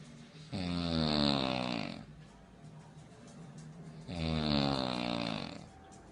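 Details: Adult woman (wife) snoring loudly in her sleep, likened to an airplane.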